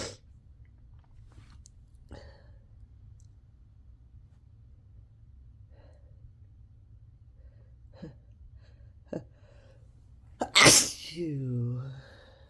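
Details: Messy self-induced sneezing fit after one natural sneeze: quiet sniffs and catching breaths build to one loud, wet sneeze followed by a groaning exhale.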